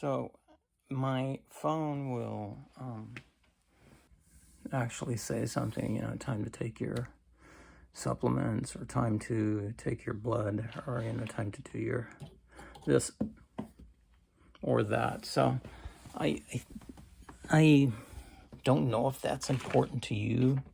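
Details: Weak creaky voice in an adult man with cancer and a bile duct stent needing more frequent clearing, recorded in the morning; he attributes it to lack of strength.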